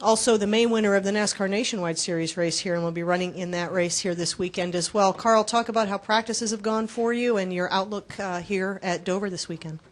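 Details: Adult speaker; normal voice.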